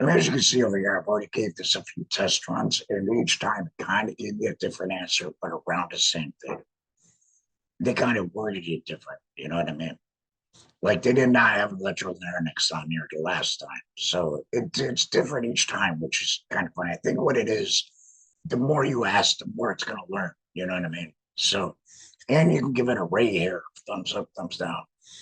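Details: Adult laryngectomee speaking with a voice prosthesis in a tracheoesophageal puncture, pushing trapped air up through the prosthesis to vibrate muscle; tracheoesophageal speech after laryngectomy.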